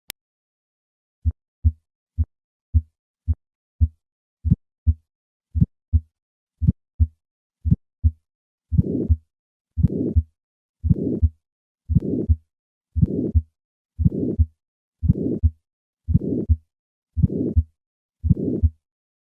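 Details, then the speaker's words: Bicuspid aortic valve: steady heartbeat near 57 a minute, first crisp beats, then an ejection click and harsh systolic ejection murmur with each beat. "These vibrations produce the ejection click. Listen once again to the ejection click and murmur of a bicuspid aortic valve."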